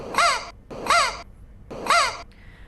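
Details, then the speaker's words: Boy from Hyderabad who coughs, talks and laughs only in whistle sounds; endoscopy found a swallowed toy whistle in his airway: three shrill, crowing whistle-like coughs; whistling cough from inhaled foreign body. "ఎండోస్కోపీలో బాలుడు whistle మింగేసాడని తేలింది."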